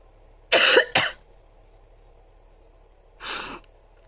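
Two quick, forceful coughs in succession, then a softer third cough after a short pause, in a quiet room; part of a coughing fit with a cold.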